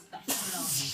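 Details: Adult woman (mum) in a long sneezing fit, counted at around the thirteenth sneeze: a short intake followed by a sharp, hissing burst of air.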